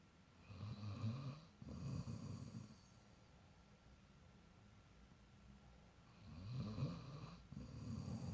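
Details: Two loud, rough, low snores separated by a quiet pause, each with a rattling inhaled and exhaled phase; ordinary snoring.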